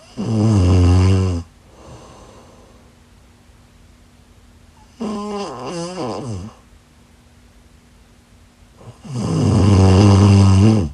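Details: Loud, rattling inspiratory snores, three in about eleven seconds, with quiet breathing between, from a sleeping woman; snoring.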